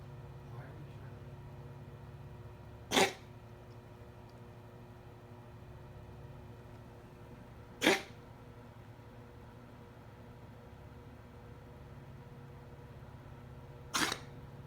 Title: Ripley cat cough